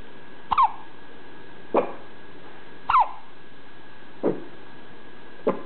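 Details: Newborn baby with hiccups: five short, abrupt catches with a small squeaky voiced onset, about one every second.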